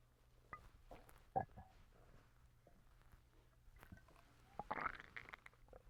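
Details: Stomach rumbling (borborygmi): faint gurgles and squeaks from the belly over a low room hum.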